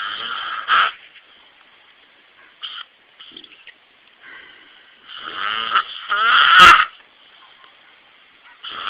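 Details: Snoring from a sleeping man: irregular snores with whistling, wheezy breath noises between quiet pauses.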